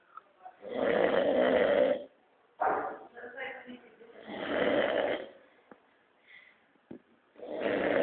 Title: mamão roncando